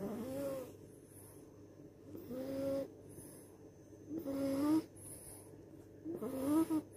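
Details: French Bulldog snoring: repeated rattling, buzzy snores on each breath about every two seconds, with soft whistling between.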